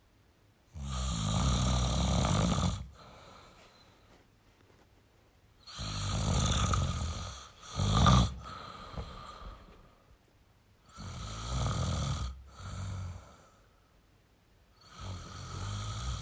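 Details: Snoring in a sleeping male: heavy, rattling snores on breathing in, each followed by a softer snort or breath out, in a steady sleep rhythm.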